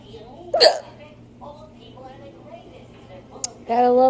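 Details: Drunk hiccups: two abrupt, sharp voiced catches about three seconds apart with faint speech between, from a loud burps and hiccups compilation; hiccups.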